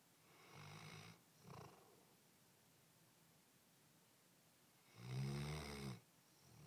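Low snuffling snores in a quiet room, a pair of short ones and then a louder one after a pause: snoring.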